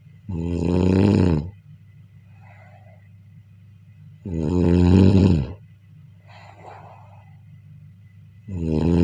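Loud, rattling snores on each breath in, about 15 a minute, with softer breaths out between; heavy snoring.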